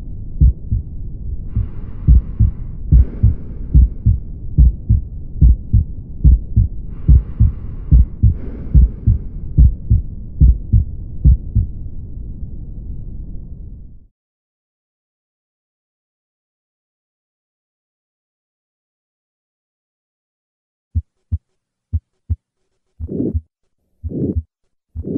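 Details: Aortic valve stenosis heart sounds: regular heartbeat near 72 per minute with a rushing whoosh between beats from the stenotic aortic valve; sound may also be heard radiating to the carotid region. Aortic stenosis murmur.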